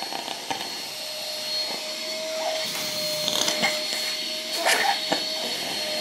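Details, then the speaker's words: Nosiboo Pro electric baby nasal aspirator clearing mucus from a little boy's nose during a cold: steady motor hum and whine with brief gurgling slurps, likened to a dentist's saliva suction. "es gleich vom geräusch her wenn dieser schlamm abgesaugt wird kennt das wenn er beim zahnarzt und richtig einschlafen und der dann den den sabber absaugt ist vergleichbar"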